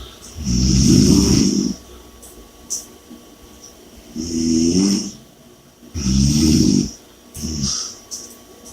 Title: Snoring & Heavy Breathing (Audio)